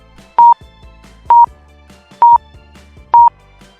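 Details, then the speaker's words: Pulse oximeter tone: steady monitor beeps at about 65 per minute, demonstrating a slower heart rate heard by ear. "心拍数が速いのはどれですか？もちろん後者です。私は他のことをしていました。音が急に上がった。スピードが落ちた。これは耳で確認できます。"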